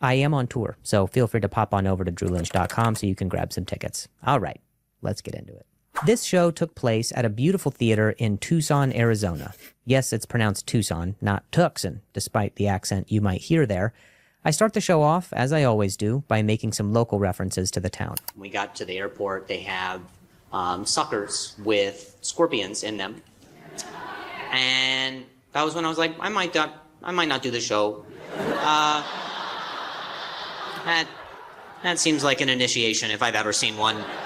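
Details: Comedian, adult male, with stuttering who says hearing noises in his ear while talking makes him stutter; live stand-up crowd work, stuttering.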